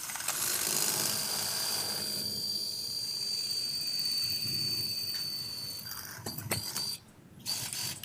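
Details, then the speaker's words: Steady high drill whine that fades, then sharp clicks and knocks: drill crossing the sacroiliac joint toward the sacral side under fluoroscopy during SI joint fusion in a patient with sclerotic SI joints. "now I'm going to go across the SI joint so the next thump I should feel is the sacral side"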